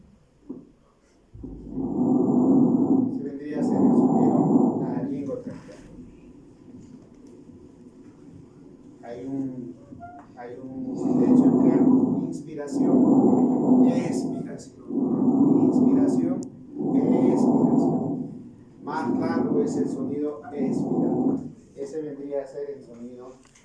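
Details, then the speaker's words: Normal tracheal (laryngotracheal) breath sounds over the neck above the manubrium: loud, hollow breaths with a pause between them and a more intense expiratory phase than vesicular breathing. "uál es la característica de es Sonido La lingua traqueal ya lo vimos también que este la espiración o el tiempo expiratorio a diferencia delio vesicular el tiempo expiratorio es más intenso"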